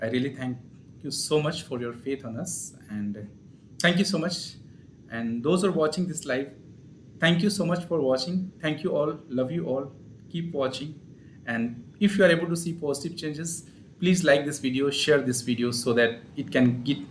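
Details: Adult male speaker; ordinary speech.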